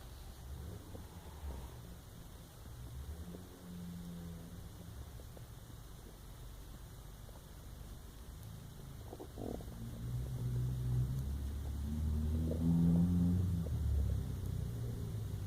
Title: My Empty Stomach Growl ❤